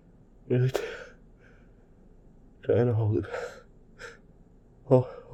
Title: Sneezing short holdback attempt into tissues.